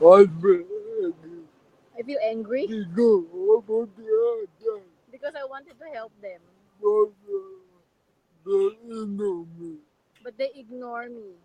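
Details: Adult man with severe cerebral palsy; dysarthria due to cerebral palsy.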